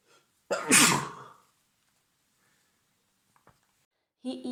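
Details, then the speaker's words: Man with a cold sneezing while turning his head away at a computer: one loud, forceful sneeze with a brief voiced burst, then quiet room sounds. "We were printing out some pictures, so we were both in front of the computer when he turned his head away from me and sneezed."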